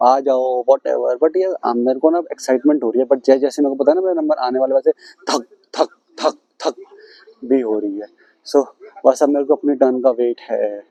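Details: Self-described stammering adult male speaking Hindi, with word and phrase repetitions; stammering (stuttering).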